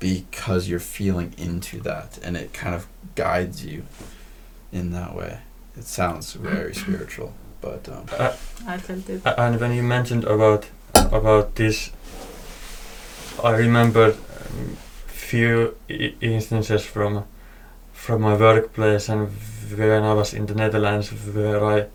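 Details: Man who says he stutters: stuttering.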